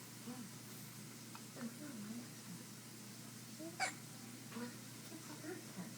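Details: Hiccups: a few brief, abrupt hiccup sounds, one sharper than the others, over steady room noise.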